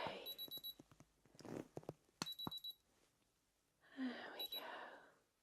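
Soft whispering and tapping with short high electronic beeps from an ear thermometer, in an acted ASMR exam.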